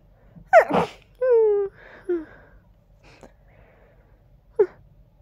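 A voiced intake and a sharp sneeze burst, then a brief held 'ah' and small muffled bursts, sounding congested.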